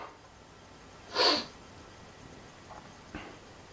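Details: Person with daily allergies: a single sharp, hissing sneeze, followed by faint sniffs in a quiet room; sneeze.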